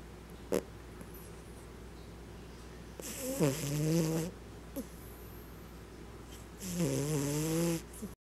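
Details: Cat snoring so heavily owner jokes it needs CPAP: two long snores with rising whistling rattle, quiet breathing between, low room hum; snoring.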